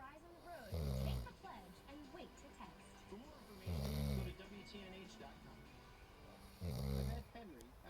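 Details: Snoring heard over a TV broadcast with background music and voices: three loud, low snores about three seconds apart, roughly 20 per minute.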